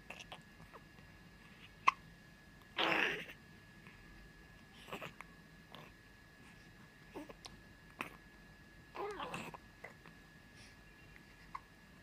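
Brief, sharp gulping sounds recur about five times in twelve seconds over quiet room noise, fitting hiccups.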